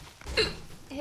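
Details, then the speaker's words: Woman streaming a game, having a prolonged hiccup attack despite holding her breath: a single short, sharp hiccup with a brief voiced catch against quiet room noise. "when i hiccup for an hour sometimes it is like that maybe that was the last one"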